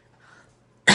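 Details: A quiet pause ends in one sudden, harsh throat-clearing burst from an adult woman who says she still has laryngitis, mid-speech.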